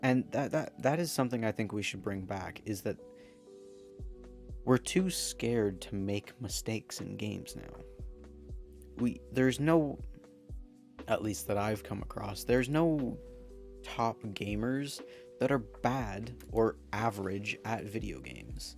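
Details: Man who says his stutter is part of him; stuttering.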